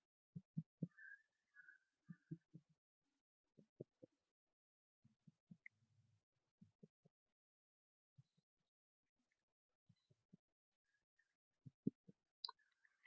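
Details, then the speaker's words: Percussion with plexor finger tapping a pleximeter finger over the posterior scapular regions of the upper back during a respiratory system examination; soft, hollow taps giving the resonant note of normal lung areas. "Normal lungs area पर resonance note आपको मिलेगी"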